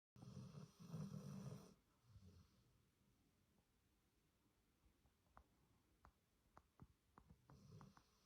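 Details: Rescue dog snoring while asleep: low rumbling snore on the in-breath, then quieter breathing with soft clicks and snuffles before the snore starts again.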